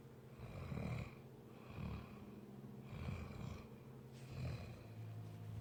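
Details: Low, rattling breath noises recur about every one to one and a half seconds in a quiet room: adult snoring.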